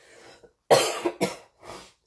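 Three quick coughs in a row after a short breath; an ordinary cough.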